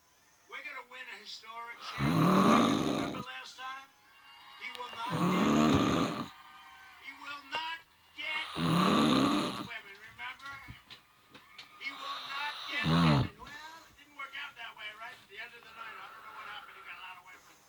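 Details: Adult recorded asleep in bed by partner: loud, rough snores about every three to four seconds, roughly 18 a minute, with television speech in the background; snoring.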